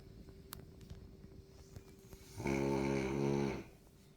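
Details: French bulldog in deep sleep: one loud, rattling, buzzy snore about a second long on a breath, over quiet room noise; very loud snoring.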